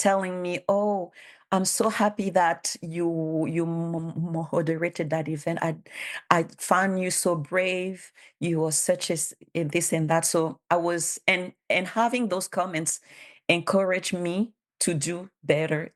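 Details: Bilingual adult woman who stutters, has self-declared her stutter as a disability, and cites speech therapist documentation; real conference speech, consistent with stuttering.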